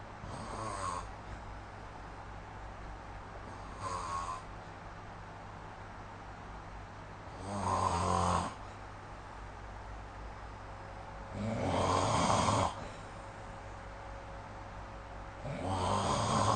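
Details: Snoring recorded with the SnoreLab app: slow rasping snores on the in-breath, about four in 16 seconds, with quiet room noise between; ordinary sleep snoring.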